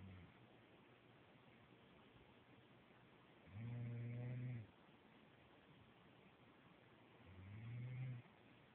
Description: Eyes open seconds later the snore...not too loud today so you might need to turn up.